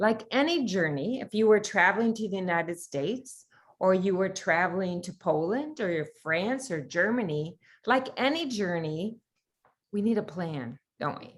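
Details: Adult woman speaking; normal fluent speech.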